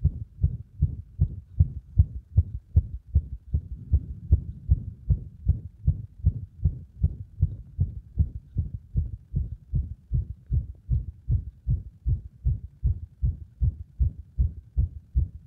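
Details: Heart sounds at roughly 75 to 80 beats a minute with uneven spacing between some beats, frequent arrhythmia during cardiac compression; irregular heartbeat.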